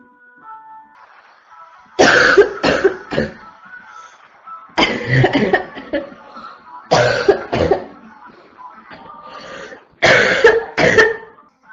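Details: Barking cough.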